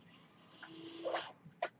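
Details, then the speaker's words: Steady airflow hiss ending in a soft click, one breath cycle of the speaker's own mechanical ventilator, audible while introducing a podcast. "hello everyone that noise you're hearing is my ventilator and welcome to page turners"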